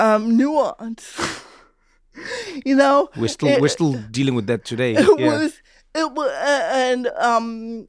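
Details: Adult speakers in conversation; typical speech.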